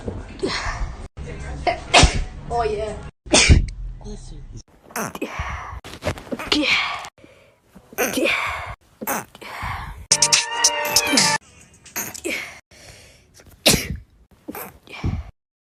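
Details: Compilation of sneezes from different women, one mentioning hay fever season: several sharp, forceful sneezes mixed with brief talk and laughter between them.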